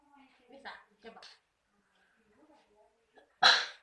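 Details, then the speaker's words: Effective cough technique taught to an 11-year-old with sputum that is hard to bring up: deep breath in through the nose, held for 3 seconds, then one strong, forceful cough on breathing out. "Nah, setelah itu untuk membatukkan efektifnya, setelah kita tarik nafas dalam, pas kita menghembuskannya kita batukkan gitu."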